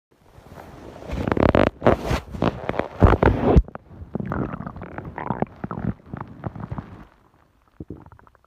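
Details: Long run of loud gurgling and rumbling bursts, strongest early then fading into softer bubbling; ordinary stomach growling (borborygmi).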